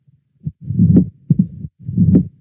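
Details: Loud first heart sound (mitral stenosis, Duroziez rhythm).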